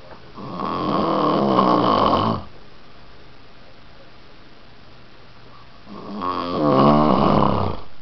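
Two loud, rattling snores on breathing in, about 2–3 seconds each, with a long quiet stretch between. Ordinary heavy snoring.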